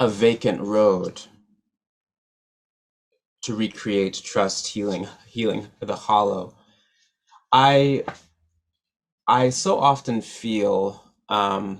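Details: Real developmental stuttering in an adult man, a musician and poet who stutters, speaking at a stuttering association conference.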